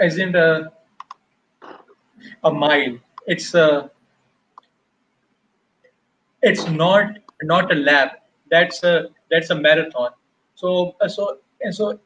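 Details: Stuttering (stammering) in an adult man who stammers, with audible word repetitions.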